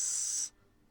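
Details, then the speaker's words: Tinnitus, attributed to 2 hours of 120 dB Sensurround at Battlestar Galactica in 1979, imitated by deliberately playing a narrow-band frequency through headphones: a brief high-pitched hiss that stops abruptly after half a second. "oh there's tinnitus backing up it sounds it sounds like i got it sounds like i'm not i'm on a good day and i go and i'll put headphones on and i purposely play a narrow band frequency that's what it sounds like"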